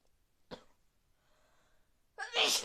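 A brief sharp intake, quiet pause, then a loud hissing burst of air, a sneeze rather than a snort.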